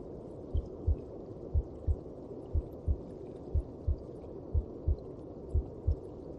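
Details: Maternal heartbeat as heard inside the womb: muffled, steady double heartbeat at about 60 a minute over a constant low whooshing.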